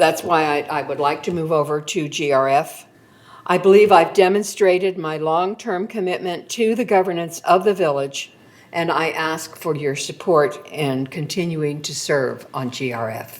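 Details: Adult woman speaking; Normal speech.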